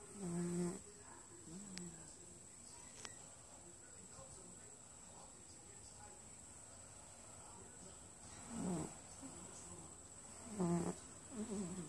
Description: I caught my cat snoring